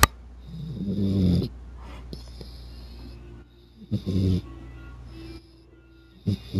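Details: Sleeping dog that snores when a finger rests on top of his nose, stopping when it is removed: two low, rumbling snores with quiet breathing between.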